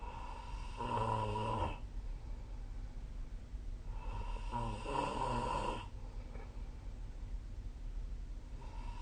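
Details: Snoring during sleep: two long, rough, buzzing snores on breathing in, with quieter breaths between, over steady low background noise.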